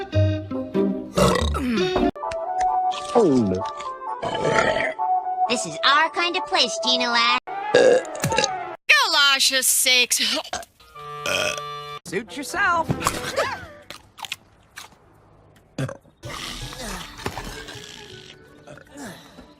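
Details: Cartoon burp compilation of female characters: animated burps and belching sounds mixed with character voices and background music; burping.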